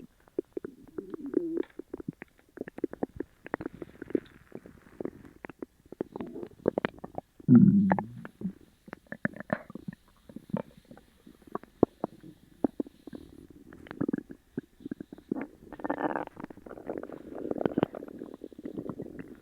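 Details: Upset stomach after eating sugar-free gummies: loud, frequent gurgling and squelching bowel sounds with long rumbling runs; borborygmi, loud bowel sounds.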